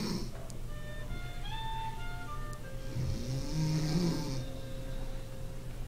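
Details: Co-worker who fell asleep in the break room: a low, rough snoring rumble, partly masked by louder music playing over it. Snoring.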